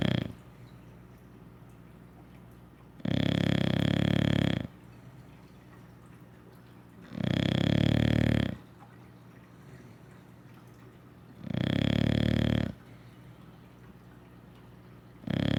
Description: Ryggs English Bulldog snoring his butt off after a ruff day of doing nothing....